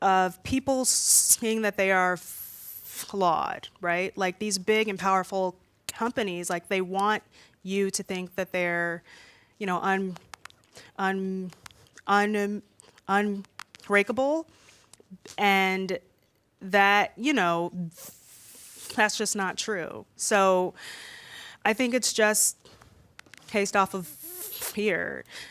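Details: Woman aged 32 who has stuttered since about age three, worse when nervous in front of a room; stuttering with repetitions.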